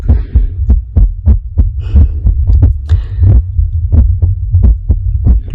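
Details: Female heartbeat, described as anxious and irregular, recorded while she reads ghost stories: low, fast thumps at about 90 a minute with uneven spacing over a steady low hum; irregular heartbeat.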